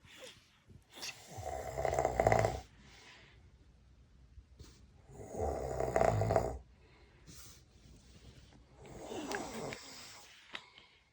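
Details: Three loud, rough, rattling snores from a sleeping father on the in-breath, roughly every four seconds, with quiet pauses between; the snoring woke the baby: heavy sleep snoring.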